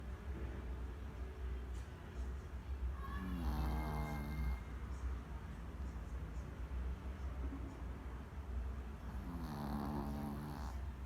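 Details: Pomeranian dog snoring during sleep: faint, nasal snoring sounds every few seconds over a steady low hum of room noise; light snoring in a small dog.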